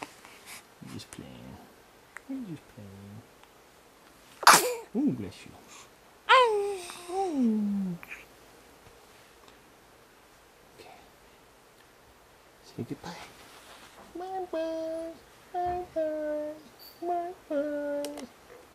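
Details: After pretending to be mad, she does her characteristic sneeze followed by a coo: a few short sharp sneeze bursts among soft vocal sounds and cooing talk in a quiet room.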